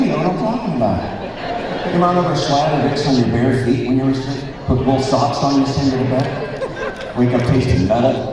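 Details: Male speaker with spasmodic dysphonia, an incurable vocal disorder he developed at the height of his career; vocal coaches and doctors did not help, and it progressively worsened until his voice was gone; he says it is audible now; spasmodic dysphonia.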